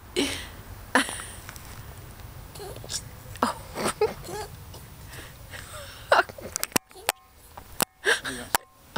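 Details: Pet rabbit sneezing repeatedly, several short, sharp sneeze bursts with quiet room noise between; owner suspects sawdust and is unsure about a vet visit.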